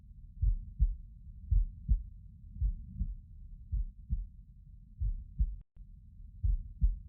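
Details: Low paired heartbeat thumps through a stethoscope over the mitral area, patient lying on the right side, roughly 55 beats a minute; heart sounds at the mitral area.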